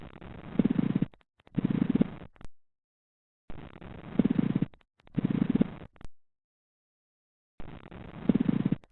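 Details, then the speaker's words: Teaching recording of a pleural friction rub: grating, creaking sounds with each breath in and out, from inflamed pleural surfaces. "are listening to Pleural Friction Rub."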